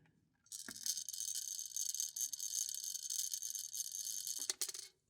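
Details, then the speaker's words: One long, steady inhalation through an incentive spirometer in a calculus demonstration; sustained hissing rush of air lasting about four seconds. "do that for 5 seconds. And this is going to measure the total air intake over those 5 seconds."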